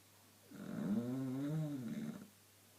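A single long, rumbling, vibrating breath with a throaty rattle, rising and fading over nearly two seconds: a dog snoring.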